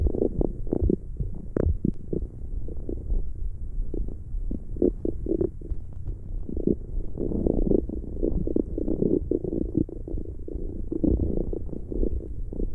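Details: ASMR recording of stomach growling: continuous low gurgling rumbles and bubbling pops from gas and fluid moving through the bowel (borborygmi).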